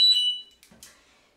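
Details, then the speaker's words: Low blood glucose alarm for a child on treatment, reading 0.63 and falling: brief high-pitched electronic beep from a glucose monitor. "excusez-moi pour cette alarme euh en fait c'est une alarme de glycémie bas pour Tizé je vous montre en tout cas elle est à 0,63 donc ça m'annonce que sa glycémie chute"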